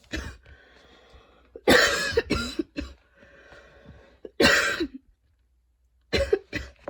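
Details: Long wheezy coughing fit after a run, with freshly cut grass outside (allergies) and fatigue; wheezing cough.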